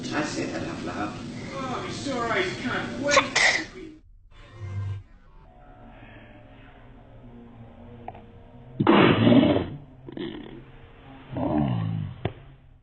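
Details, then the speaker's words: Infant girl practising sitting up: small, abrupt sneezes amid adult chatter and background music; an ordinary infant sneeze. "You can do it. Pull that leg up and it's Oh, you got to sneeze."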